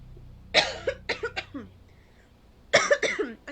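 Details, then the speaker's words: Adult woman's plain cough: two short bouts of several harsh, partly voiced coughs close to the microphone in a quiet room. She announces the cough first and notes her voice sounds uncomfortable. "I'm going to cough"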